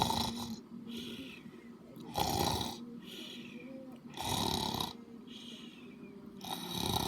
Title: Loud happy snores 7